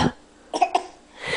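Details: Young child gives two quick, deliberate fake coughs in a quiet room while being asked to say "ball": a voluntary, fake cough.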